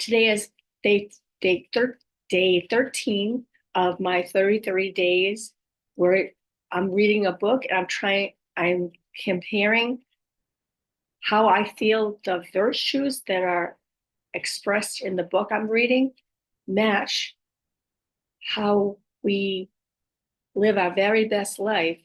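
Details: Aphasia with apraxia of speech in a woman after a stroke at age 58; she reports her speech is sometimes hard to understand, with repeated words and sometimes wrong words.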